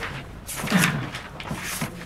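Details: A few hollow finger-percussion taps at the second rib and second intercostal space give a resonant note, a normal percussion finding, in a physical-examination demonstration with the patient lying on their side.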